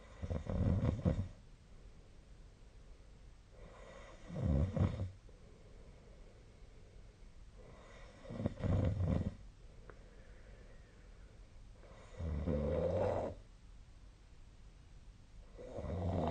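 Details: Loud, rough, rattling snoring during sleep, about 16 breaths a minute with quiet pauses between; ordinary heavy snoring.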